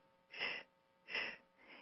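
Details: Arterial bruit.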